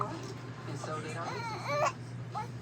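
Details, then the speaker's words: A 2-month-old baby girl gives brief fussy cries and whimpers while upset by hiccups, over a steady low room hum. "big girl got them hiccups they making you mad yeah yeah tell Mom all about it yeah see I got them hiccups Mom they're making me mad"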